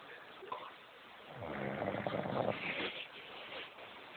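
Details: A person snoring in sleep: a single rough, rattling inhaled snore rising out of quiet breathing noise, with a low fluttering buzz at its peak.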